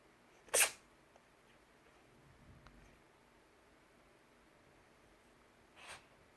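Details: Savannah cat gives one sharp, hissing sneeze, then a softer second puff a few seconds later; sneeze.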